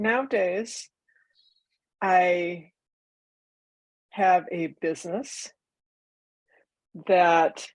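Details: Non-fluent aphasia in a woman nine years after a stroke; she can understand others but cannot get words out, and she uses a microcurrent feedback device that she credits with restoring her speech.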